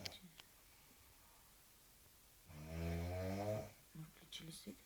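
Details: Severe snoring of a sleeping young woman: a single loud, rough, droning snore lasting about a second, with faint talk around it.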